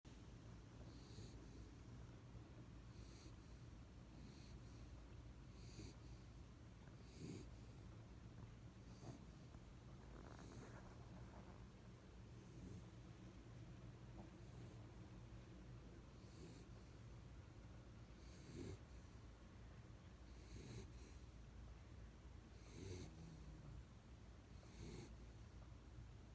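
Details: Sleeping dog snoring quietly, with regular snoring breaths about 30 a minute.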